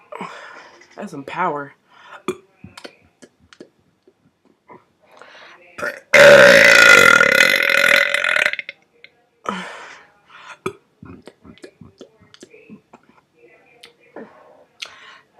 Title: me burping for the first time in a while.